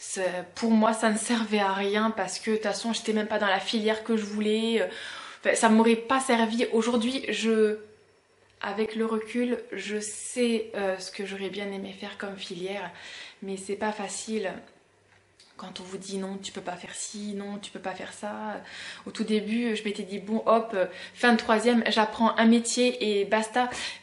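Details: Adult woman, 32, with stuttering since about age 4-6; she says stuttering, including blocks, may occur here, especially when she is tired, rushed or emotional.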